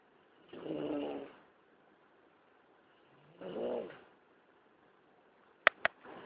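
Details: Snoring: two slow, rattling snores about three seconds apart, separated by quiet, then a couple of sharp clicks at the end.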